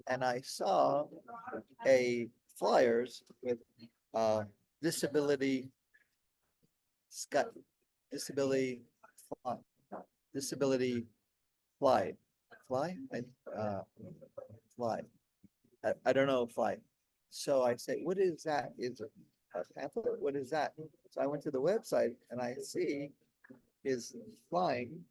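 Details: Aphasia in an adult man, 16 years after a stroke during heart valve surgery; at first he could say only one word for about a year, and word-finding difficulty persists.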